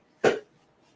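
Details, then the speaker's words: Adult coughing while talking, battling a cold; cough. "It sounds like I'm acting now because I'm coughing, but I'm going to try to not lose my voice."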